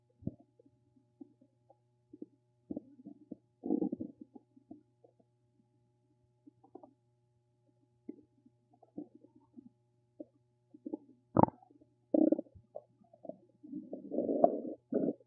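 Scattered gurgles and bubbling rumbles at irregular intervals over a faint steady hum; normal bowel sounds.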